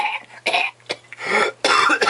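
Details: About four or five harsh, wet-sounding cough bursts in quick succession, acted for comedy, over a faint steady hum: a severe cough.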